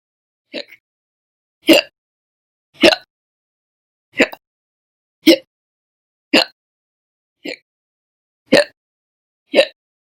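Nine sharp, brief gulping bursts at about 56 a minute, spaced somewhat unevenly, in a quiet room. Repeated hiccups.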